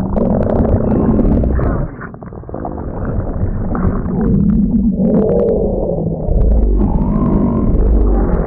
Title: (warning loud!) stomach growls